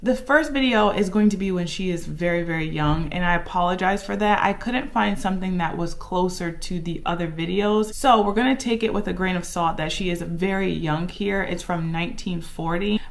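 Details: Adult woman speaking; no voice disorder.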